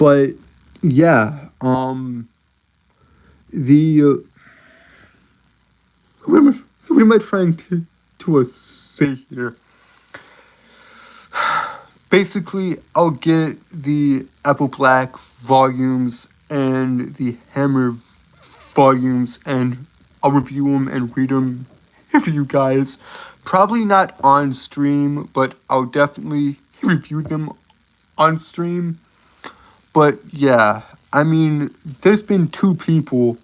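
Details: Adult male live-streamer with a self-reported speech impediment who says he stutters a lot: stuttering.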